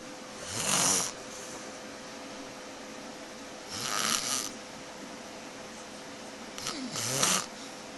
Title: And she says I snore!!!!